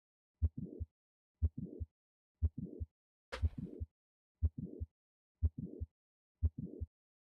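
Simulated heart sounds at 60 beats a minute: clicks in mid-systole introduce a late systolic murmur of mitral valve prolapse.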